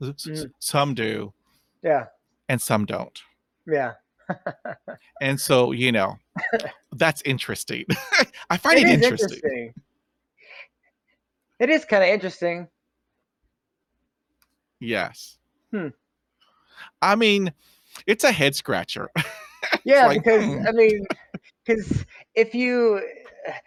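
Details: Real stuttering in an adult man who stutters; stuttering.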